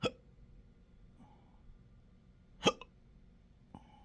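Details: Chronic intractable hiccups with belching and choking spasms since December 2015, occurring in 12-hour episodes, with developing achalasia: two sharp, abrupt hiccups about 2.6 seconds apart with a couple of fainter catches between, in a quiet room.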